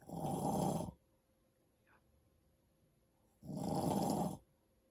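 Two loud, rough, rattling breaths about three seconds apart, with quiet between them. Snoring during sleep.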